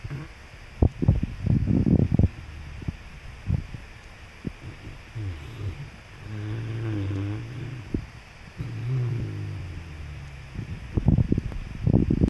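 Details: A St. Bernard dog snoring loudly while dreaming in its sleep.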